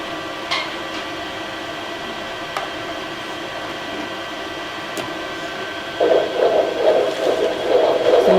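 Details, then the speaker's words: Fetal heartbeat on pregnancy ultrasound scan: steady machine hum, then rapid rhythmic whooshing pulses at about 140 a minute. "that's the beating of the baby's heart. You can all hear it."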